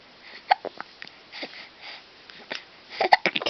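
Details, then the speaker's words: Several short, sharp catches of breath within a few seconds from a baby, amid soft sniffs and noises: infant hiccups, a normal finding. "Al has the hiccups do you have the hiccups you have hiccups"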